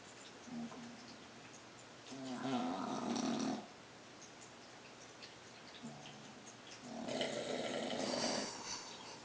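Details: A sleeping dog gives two long, rough, rattling snores on breathing in, with quiet breathing between them.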